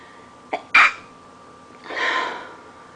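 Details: Person with allergies, sneezing repeatedly all morning after leaving window open: quick catch of breath, sudden sharp nasal burst, then long breathy exhale; a single sneeze.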